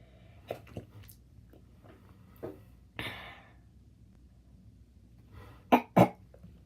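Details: Person deliberately making themself sneeze: sniffing and a small sneeze-like burst, then two sharp, explosive sneezes in quick succession, quiet room noise.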